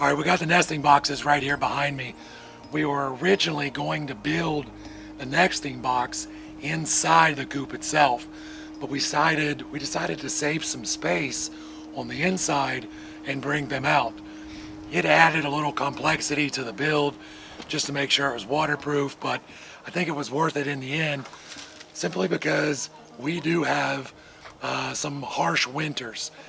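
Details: Man with vocal cord paralysis after surgery damaged throat nerves, paralyzing the muscles that work his vocal cords; talking is hard; he hopes it is temporary; finding: vocal cord paralysis.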